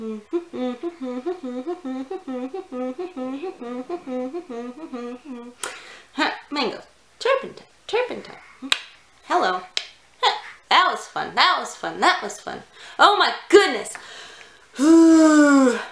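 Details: Person with Tourette syndrome; repeated vocal tics, some words said several times; vocal tics (Tourette syndrome).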